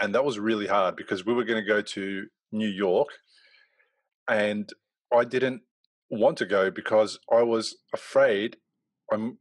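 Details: Adult male speaker; normal adult speech.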